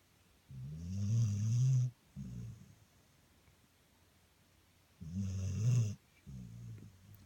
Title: - Snoring